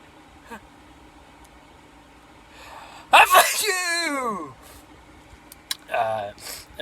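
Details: Person sneezing during a repeated sneezing run: gasping build-up, one loud explosive sneeze trailing into a falling voiced cry, then a smaller sound; ordinary sneeze.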